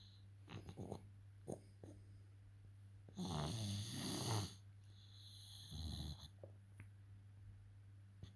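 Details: A woman snoring: low, rumbling snores on the in-breath over a steady hum of room noise.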